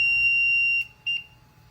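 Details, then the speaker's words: LTV ventilator power-on alarm when restarting after a circuit change: a sustained high electronic tone followed by a short second beep. "So, the first thing you're going to do is you're going to hold down the on button."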